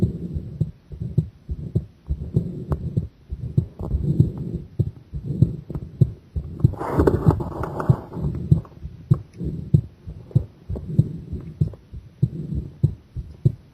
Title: Pressure and breath-hold heart sound !